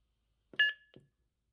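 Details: Brief electronic beep with soft clicks around it: the prompt tone of an expired, non-functioning automated external defibrillator (AED) after it was rebuilt and powered up.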